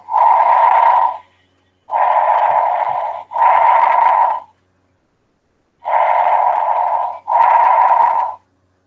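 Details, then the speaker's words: Teaching demonstration of bronchial breath sound, heard mainly over the trachea: loud, harsh, hollow, higher-pitched breath sounds with equally long inspiration and expiration separated by a brief pause; bronchial breathing. "Este es el sonido bronquial, es decir, ese flujo de aire, así se escucha."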